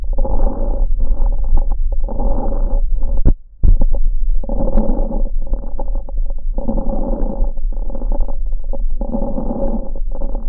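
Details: Crackles in a lung sound recorded in clinical practice through a stethoscope: repeated breaths with rough, popping crackles, pointing to fluid or secretions in the small airways.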